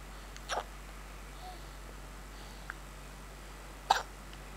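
Brief sharp gulping sounds, two clear ones a few seconds apart with a faint one between, against quiet background hiss; hiccups.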